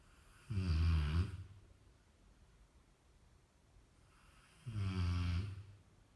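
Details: Sleeping Rottweiler dog snoring: two deep, rumbling snores about four seconds apart with quiet gaps.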